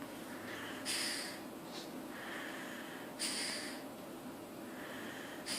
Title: chihuahua funny snore